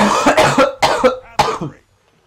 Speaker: As you can hear. I'm coughing, because I have some kind of a bleh, I don't even know what's going on in my body.